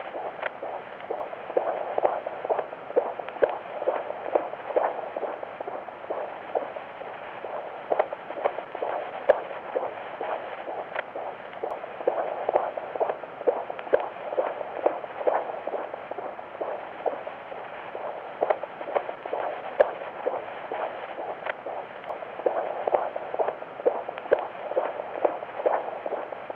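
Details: Fetal heartbeat on live ultrasound Doppler: rapid, rhythmic whooshing pulses at about 130 a minute, a normal fetal heartbeat.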